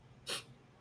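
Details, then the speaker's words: Adult radio host, suffering allergies from Saharan dust and sneezing, gives a single brief, sharp, hissing burst of air against quiet room noise; sneeze. "I am a total mess with my allergies with this dust oh yeah I'm I'm sneezing I'm I'm uncomfortable"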